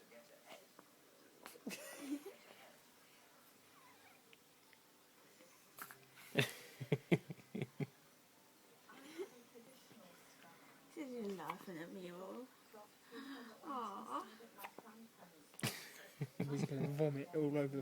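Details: 4-day-old newborn hiccuping: short, sharp catches in the breath mixed with soft fussing sounds.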